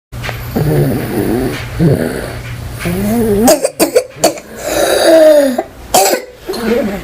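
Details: Harsh, barking, seal-like coughs with strained, noisy voiced breaths between them from a 2-year-old boy with croup: croup cough.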